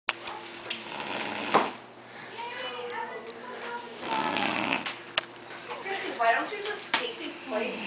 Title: Christmas Snore